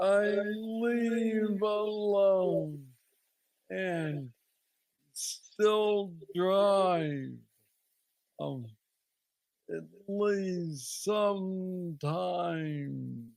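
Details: Adult man with Parkinson's disease diagnosed at age 35, about nine years ago, a form he calls the most aggressive he knows, treated with an implanted brain neurostimulator; hypokinetic dysarthria.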